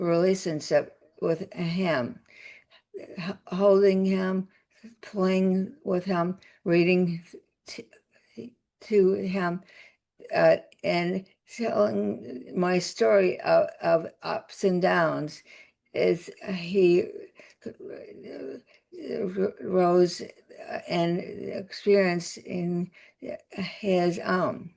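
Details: Adult woman with aphasia after a significant stroke that also caused paralysis; aphasia.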